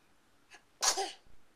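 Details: A toddler playing with his mother gives a quick inward breath, then a single sharp, hissing sneeze in a quiet room, followed by "bless you"; a sneeze.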